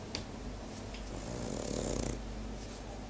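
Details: French bulldog snoring: a continuous rough, rattling breathing noise with a fluttering low rumble, typical of a flat-faced dog.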